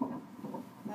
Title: Sonogram at 18 weeks